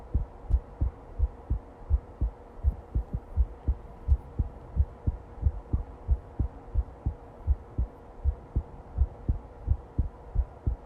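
Steady, regular paired heart thumps at about 86 beats a minute over a low background hum: a normal-rate heartbeat.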